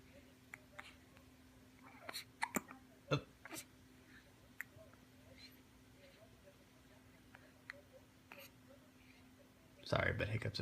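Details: Infant girl hiccupping, which happens almost every time she eats: faint, abrupt little catches repeating irregularly in a quiet room with soft adult whispering; hiccups.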